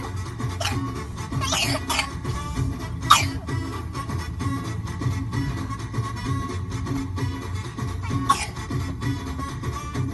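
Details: Several short, dry cough bursts from a young girl who is dancing, partly masked by loud background music.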